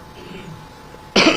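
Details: During a Marathi political press conference, after a second of quiet room noise, an adult gives a single sharp, loud cough burst.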